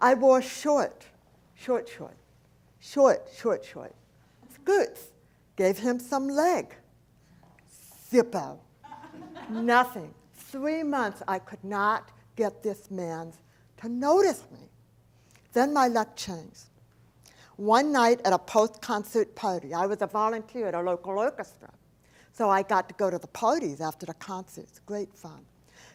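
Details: Adult woman, profoundly hearing-impaired since age four after a 106-degree fever destroyed about two-thirds of her hearing; deaf speech.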